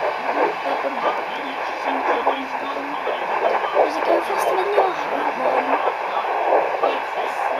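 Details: Fetal heartbeat heard on a home Doppler at 9 weeks 4 days of pregnancy, found for the first time: rapid whooshing pulsing through static hiss, much faster than an adult's heartbeat.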